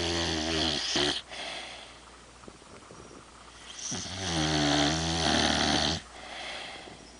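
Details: Overweight female dog asleep, giving two long, loud, rattling snoring breaths, each a harsh buzzing inhalation with quieter pauses between; dog snoring.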